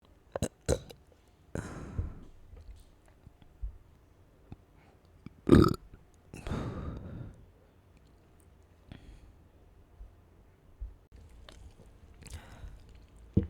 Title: satisfying burps